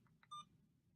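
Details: Alaris IV infusion pump: soft key taps and a brief high electronic beep as the keypad is pressed while programming a secondary (piggyback) cefazolin infusion duration of 30 minutes.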